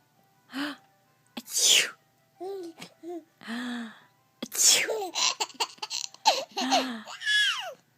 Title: I sneeze, laughs.